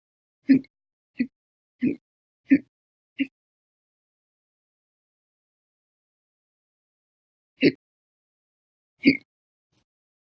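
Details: Repeated hiccups in an episode lasting 13 hours 20 minutes after breakfast, lunch and a cup of soda after dinner: five short, abrupt gulping sounds about every 0.7 seconds, a pause, then two more.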